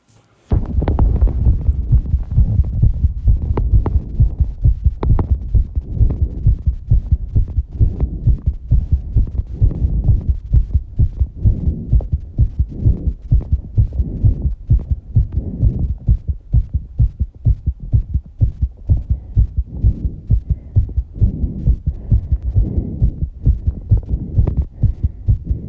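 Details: A person's fast heartbeat after exercising, with heavy breathing: rapid, regular heart thumps at about 130 beats a minute.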